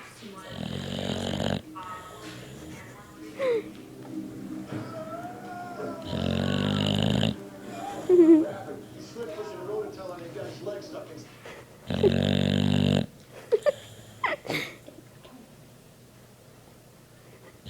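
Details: Duke snoring: three loud, rough snores about five seconds apart, with quieter snuffling and soft background talk and music between them.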